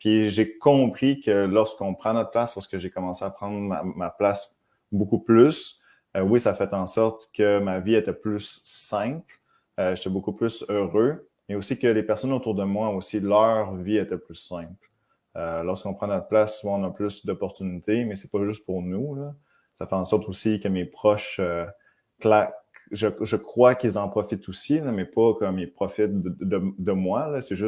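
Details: Man of about 30 who stutters, speaking French, with breaks in his speech that he attributes to his stutter; he feared accepting it for most of his life; stuttering.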